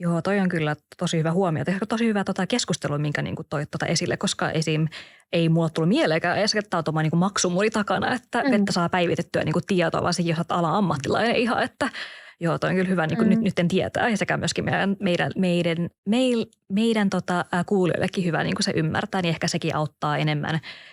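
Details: Stuttering in a podcast co-host who stutters, with word repetitions and long pauses.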